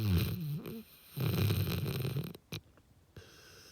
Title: Pupper snoring…Very LOUDLY!